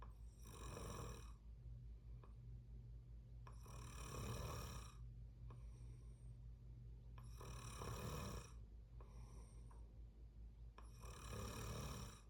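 Loud rattling snores come with each breath in, about 18 a minute, over steady low background hum. Ordinary snoring during sleep.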